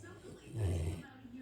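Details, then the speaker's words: Sleeping 100-pound Labrador lying on owner as a pillow: a single low, rumbling snoring breath in a quiet room; ordinary snoring during sleep. "today I'm the human pillow for this big bingy baby he was snoring but he heard me say his name oh there he goes again"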